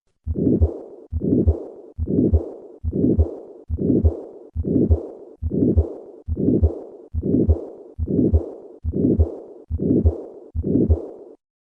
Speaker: Listen to a patient with combined aortic stenosis and regurgitation. I will begin with the systolic murmur and then add the diastolic component.